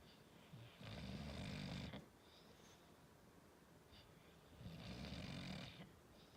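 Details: Two long, rattling snoring breaths in about six seconds with quiet pauses between, from a sleeping English Bulldog, a short-nosed breed; snoring.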